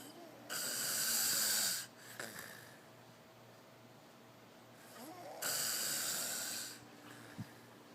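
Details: Snoring: two long hissing, rasping breaths several seconds apart with quiet breathing between.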